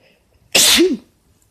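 A single loud, sharp sneeze with a brief voiced tail, in a quiet room.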